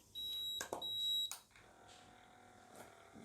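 Two short high electronic beeps from an automatic blood pressure monitor as it switches off and back on, then quiet room noise.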